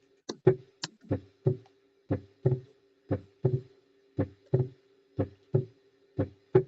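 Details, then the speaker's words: Teaching recording: regular lub-dub heart sounds at about 60 beats a minute, with a deeper, reinforced second sound and a small extra sound closely following it; diastolic splitting of the second heart sound. "Desdoblamiento diastólico. Exacto. Desdoblamiento diólico o del segundo ruido."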